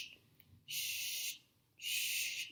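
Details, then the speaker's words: Student nurse on a tracheostomy care and suction skills check-off checks suction tubing connected to the catheter: two brief bursts of high-pitched hissing suction confirming the tubing draws air; suction catheter function check. "and then i'm just going to make sure that my tubing works i'm going to give it a go here and checking"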